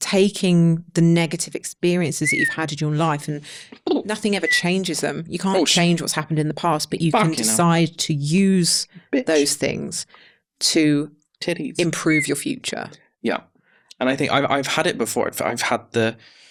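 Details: Adult man, 32, with Tourette syndrome acquired about seven years earlier, in his mid-20s, after a brain injury; occasional returning stammer; involuntary vocal tics including swearing, whistling and other interjections interrupt his speech; Tourette syndrome vocal tics.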